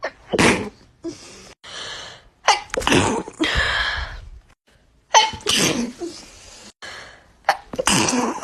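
A run of several forceful sneezes from an adult, each preceded by a quick catching inhalation.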